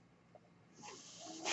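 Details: Podcaster's own mechanical ventilator heard during speech: soft rising hiss of airflow building to a louder rush as a breath is delivered.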